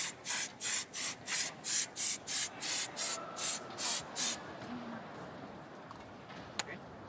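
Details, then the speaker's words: About a dozen rapid hissing spray bursts, then quiet arena noise, as an injured badminton player's whole left leg is sprayed during medical attention in a women's doubles final. "okay okay on the whole left leg there go spray where both players are getting some attention here"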